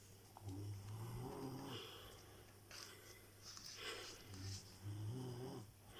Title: snoring bogoos